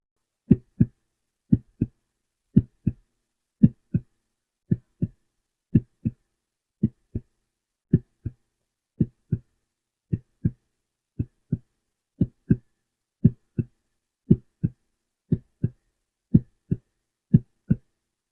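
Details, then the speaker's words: Regular paired lub-dub beats about 56 a minute, quiet between beats: normal heart sounds and rate in a simulated ASMR role-play exam of a new patient, after lung auscultation with deep breaths. "So everything seems normal with your breathing. The heart rate and heartbeat sound good as well."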